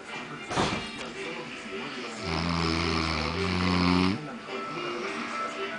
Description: My Uncle Snoring